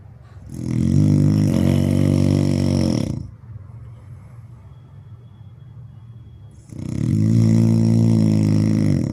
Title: best snoring sound